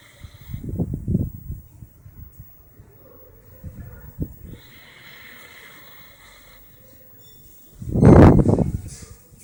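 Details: Dog heard snoring while the family watched TV: irregular low fluttering snore sounds followed by a loud snort from the sleeping dog; dog snoring.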